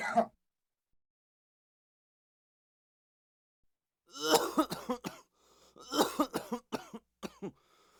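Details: A cough sound effect.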